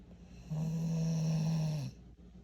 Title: Ja snoring after helping me work around the house all day… 😂 🐶 #pitbull